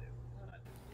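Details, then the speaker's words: Simulated very mild hearing loss: short speech sample played muffled with dulled high-frequency sounds, showing how speech might be heard. "now you will hear the same sample but what it might sound like with a very mild hearing loss"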